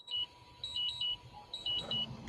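Short high-pitched electronic beeps in repeating groups over faint background noise, a glucose monitor low-glucose alarm.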